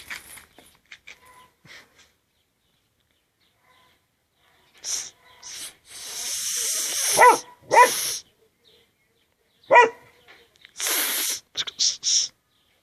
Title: Jack Sparrow sneezing dog mkd